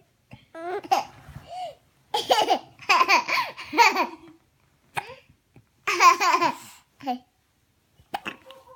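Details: Infant laughing for the first time while having hiccups: bursts of laughter broken by a few short, abrupt catches in the breath; hiccups.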